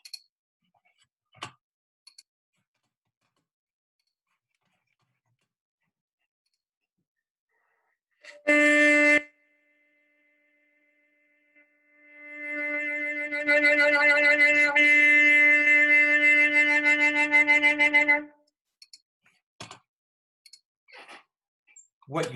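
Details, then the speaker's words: Saxophonist's own playing with embouchure focal dystonia: an attempt at one of the easiest saxophone tones starts late and breathy, then wavers and flutters unsteadily instead of holding a clean note. "seeing and hearing is called dystonia more specifically this is a clear example of embouchure dystonia it really looks like muscular chaos doesn't it"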